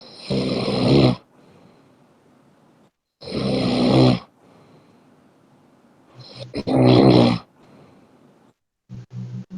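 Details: Person snoring while asleep, apparently after a game: loud, rough snores on each breath in, about 20 a minute, with quiet pauses between; ordinary snoring.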